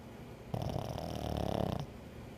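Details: Dog Dexter asleep, giving a single rattling, fluttering breath lasting over a second against room noise: snoring.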